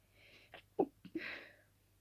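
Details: Two quick sneezes with sharp catches of breath and a breathy nasal release in a quiet room, from a sleepy person at night whose nose began itching, possibly from dusting the room before bed.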